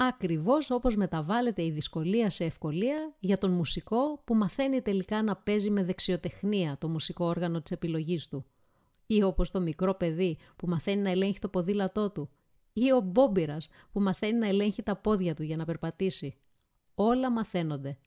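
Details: Adult speaker; ordinary speech.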